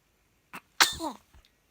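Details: A short in-breath, then one sharp, explosive burst of air trailing off into a voiced tail: a single sneeze.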